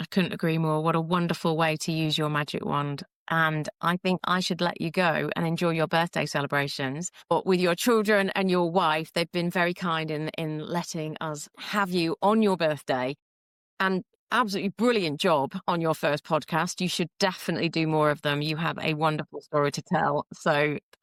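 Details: Adult woman speaking; typical speech.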